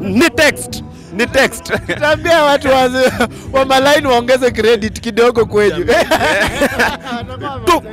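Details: Adult male speaker; speech.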